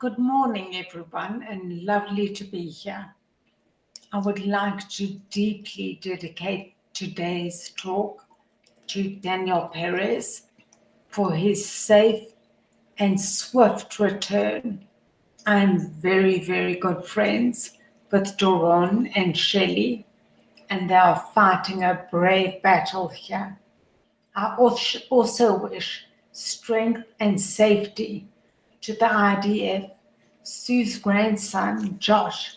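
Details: Adult woman with primary lateral sclerosis, a progressive degenerative motor neurone disease affecting her voice, tongue, facial expression and vocal cords; she uses a voice amplifier later in the programme; spastic dysarthria (primary lateral sclerosis).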